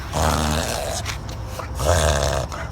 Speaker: reverse sneezing or paroxysmal respiration is common in dogs they rapidly inhale air through their nose causing a snorting sound and extended neck